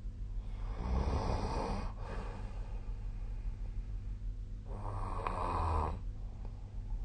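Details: Snoring during sleep, recorded 2025/01/18 with a snoring app (SnoreLab).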